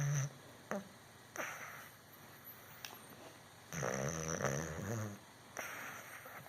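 Soft snorting breaths and one longer rumbling snore, with steady background hiss. Light snoring in sleep.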